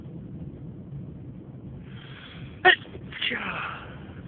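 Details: Induced sneeze, one of a variety of induced loud and stifled sneezes: a single sharp, explosive sneeze after a brief indrawn breath, then a short breathy exhale.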